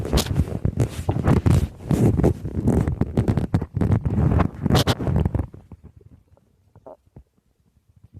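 Loud, bubbling, gurgling rumbles for several seconds, fading to quiet pops; stomach growling from moving gas and fluid in the gut.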